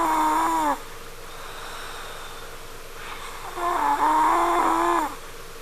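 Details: Daughter snoring in sleep upstairs, likened to a crying baby or cat: two loud, high-pitched whistling snores with a tonal, crying quality, separated by quiet breathing in a small room.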